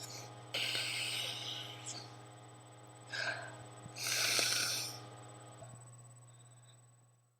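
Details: Person with allergies, itchy burning eyes and trouble breathing, sneezing repeatedly: noisy breaths and hissing bursts ending in a sneeze-like blast over a steady low hum.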